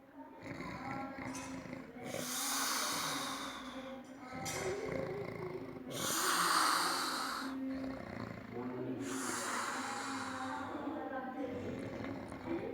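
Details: Harsh, noisy snoring breaths with snorting bursts, alternating with quieter stretches, faint voices in background: loud snoring during sleep.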